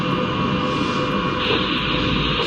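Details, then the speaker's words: Dampened monophasic radial artery flow on color Doppler ultrasound, in the context of arteriovenous fistula access complications (stenosis): a more muffled, steady whoosh without crisp pulses, in contrast to normal triphasic arterial flow. "Y esta es una arteria donde el flujo el sonido inclusive es más opaco y las curvas casi"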